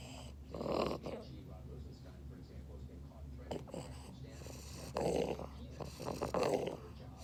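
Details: A sleeping English Bulldog snores with loud, rattling, uneven snorts over a steady low background hum, typical noisy breathing of a flat-faced dog.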